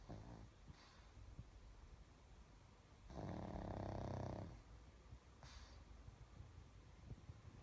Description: Snoring pug who thinks he's a human